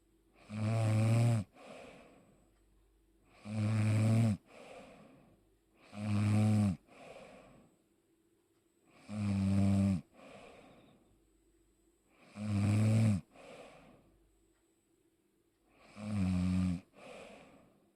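Regular loud, rattling snores on each in-breath, about six in 18 seconds (roughly 19 breaths a minute), with quieter out-breaths: snoring.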